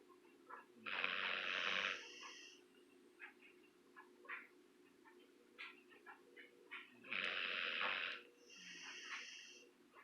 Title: Maynard & Gus - The snoring duo 😪